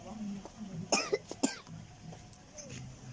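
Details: Child with cough and hoarseness, outdoors at a dragonfly park: a short run of three or four coughs with background noise.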